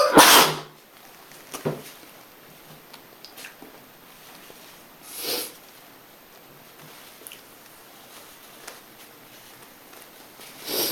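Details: Pet named Vino sneezing after parties, described as allergic sneezes: sharp sneeze bursts at start and end with a softer one midway, quiet room between.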